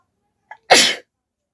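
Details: Deliberately triggered sneeze during a requested sneezing challenge done without a hanky, induced with folded paper: a short intake of breath, then one sharp, explosive, normal sneeze.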